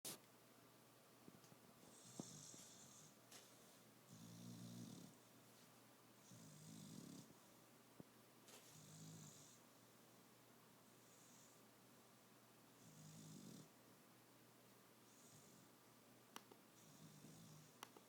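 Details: Dog snoring while asleep: soft, rhythmic low rumbles each paired with a hissy breath, about 28 a minute, in a quiet room.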